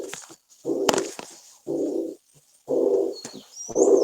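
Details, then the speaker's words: Teaching recording from a lecture on heart murmurs: repeated blowing, whooshing bursts about once a second, each filling much of the beat, the blowing timbre typical of mitral regurgitation murmur. "el timbre también muy importante el timbre o cualidad nota las características del chop si es un soplo soplante si se asocia frecuentemente a un soplo insuficiencia mitral por ejemplo o"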